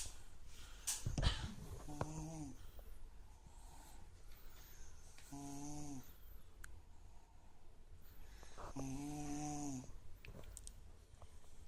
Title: Wieredest Snoring